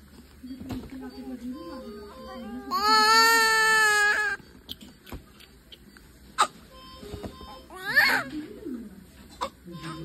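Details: Newborn baby shortly after birth: loud, high-pitched wailing cries with short whimpers between them, over background room noise. An ordinary newborn cry.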